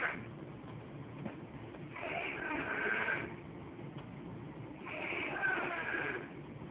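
Two slow, soft, rasping breaths a few seconds apart over a muffled recording; light snoring.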